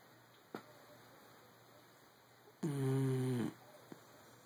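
A single short buzzing snore on an in-breath, with a few faint clicks in a quiet room.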